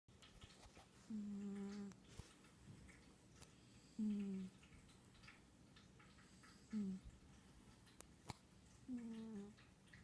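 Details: Pet cat snoring while asleep, with a water fountain running in the background.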